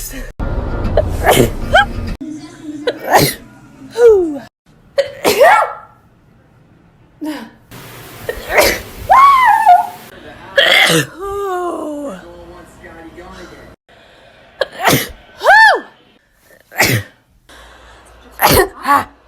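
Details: Sneezing compilation from different people, recorded April 2017 to January 2019: a string of loud explosive sneezes, each with a quick gasping breath before it, with some speech and faint music.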